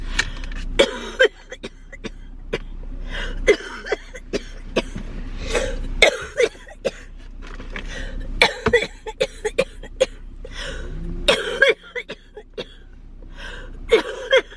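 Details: A person with cystic fibrosis, in a car during a road trip around nebulizer treatment time, wearing a mask, gives repeated short cough bursts and throat clearing. Road and car noise behind.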